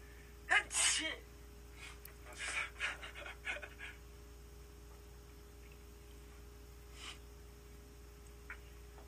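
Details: A sudden loud sneeze with a quick breath in before it, from a male K-pop idol group member, followed by laughter and brief chatter in the room.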